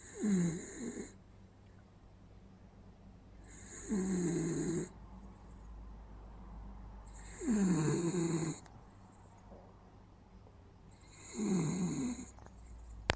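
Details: Snoring from a sleeping West Highland White Terrier dog: snoring.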